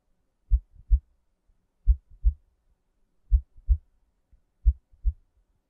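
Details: Soft, low, paired lub-dub thumps, about 44 beats a minute, steady and clean with no other sounds; a slow heartbeat in an ASMR relaxation recording.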